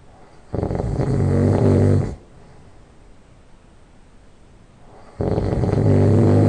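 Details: Loud nasal snoring just after falling asleep: buzzing snores lasting about one and a half seconds, with quiet breathing between them.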